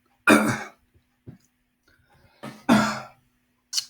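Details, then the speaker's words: Adult teacher with a frog in the throat, coughing mid-lecture: two harsh cough bursts with a brief throat-clearing sound between them, an ordinary cough. "frog in my throat there that gives me 0.272727 so therefore this is the answer sorry about that cough there"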